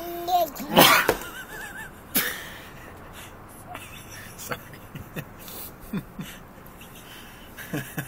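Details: A single loud, sudden sneeze from a father while sharing food with his young child, followed by quieter room sounds and small noises from the child.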